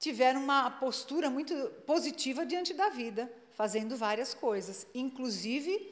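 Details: Adult woman speaking Portuguese; normal fluent speech.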